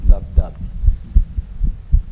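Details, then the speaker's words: Heart recording with a phonocardiograph: regular, soft, low heart sounds in pairs, with one sound briefly split into two close parts; a one-off split heart sound of no significance. "okay so we've actually got a split sound here so it's this there's nothing i've done with so it's just a split sound and it's a it's a once off in the whole process it's no significance at all"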